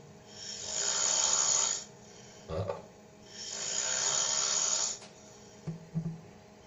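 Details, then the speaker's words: A person's heavy snoring, secretly recorded overnight while asleep in a hotel room: two long, loud rasping snores on breathing in, with quiet pauses and faint mouth noises between. "technically I'm here in Buffalo in a hotel and it was brought to my attention the last night I was asleep I might have got a little bit loud this is some next-level embarrassing"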